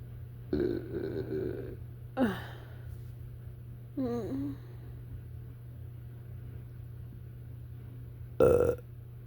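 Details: Belching after eating a giant portion of fettuccine alfredo in about 3 minutes: four low, rumbling throat belches spaced a few seconds apart over a steady background hum; nauseous burps.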